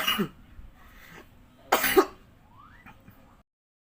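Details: Adult with COVID-19 in January 2021, illness starting with sudden fever and chills: a few short, harsh coughs and throat clearing against faint background noise.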